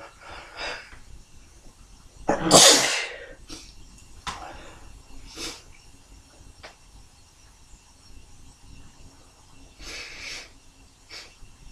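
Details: Tickle-induced sneezing: quick in-breaths, then one loud, explosive sneeze, followed by sniffs and another softer build-up, with the explosiveness under-captured by the mic; sneeze.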